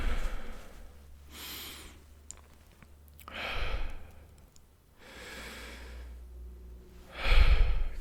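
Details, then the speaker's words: ASMR roleplay doctor exam (simulated): stethoscope on the chest, mouth breathing in and out, slow deep unlabored breaths, about four cycles in eight seconds, in a quiet room; judged normal breath sounds, no crackles. "okay well my friend you'll be glad to know that they're all okay nothing abnormal there normally we're listening for crackles or something hap"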